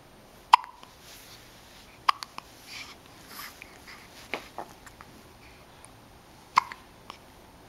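Sharp, abrupt hiccup sounds repeat a few seconds apart, about four across the stretch, with quiet breathing between them; ordinary hiccups.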